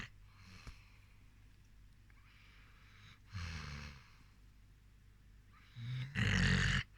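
Deep, rumbling snorts on breathing in, with quieter breaths between them: a sleeping dog snoring.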